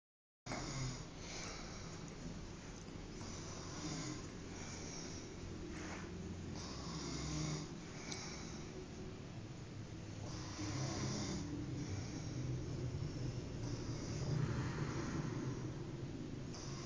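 Steady low rumbling snores with each breath through sleep, about a dozen cycles, in a quiet room.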